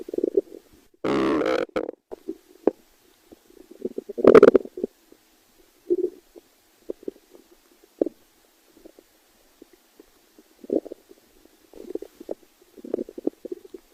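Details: Irregular gurgling and rumbling bursts with a few louder rushes from the stomach; ordinary stomach growling (borborygmi), typical normal bowel sounds.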